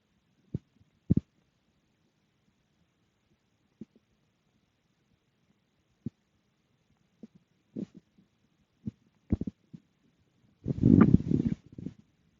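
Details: Stomach growling after eating dinner: scattered soft low gurgles and pops from the abdomen, ending in a longer rumbling growl; ordinary digestive bowel sounds.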